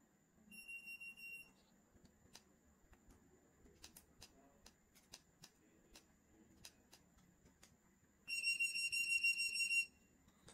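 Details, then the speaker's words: Audible beeping alert tones from a Woodpecker Fi-P cordless gutta-percha obturation pen set at 200, in two bursts with clicks between; the volume is adjustable via the power button. "one other little uh thing I want to show you is notice how you can hear the sound of the beeping if that's too loud you can press the power button and then you can adjust it"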